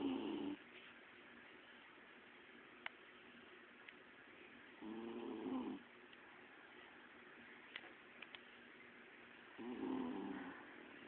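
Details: Soft, regular snorting breaths about every five seconds, roughly 12 a minute, with quiet pauses, from a sleeping female Bichon Frise dog about six years in the owner's care; snoring.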